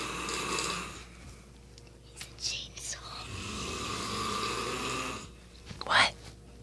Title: Daddy snores like a chainsaw